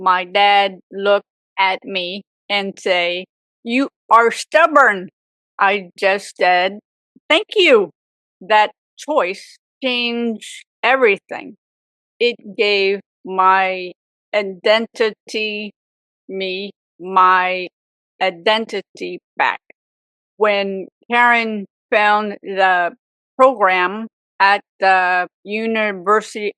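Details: Aphasia in an adult woman, 18 years after a severe stroke at age 44 that also left apraxia; chronic post-stroke aphasia.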